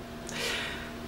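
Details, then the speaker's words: A man sneezing in the background. "je pense que vous avez entendu mon mari éternué là"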